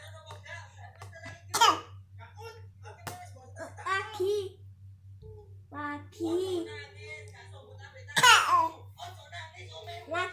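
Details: Child practising voluntary coughing on request: two short, deliberate coughs between bits of talk, over a steady low hum.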